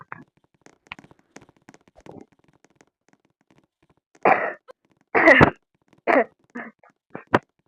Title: batuk aja cukup🗿👍🏻😭 #jelek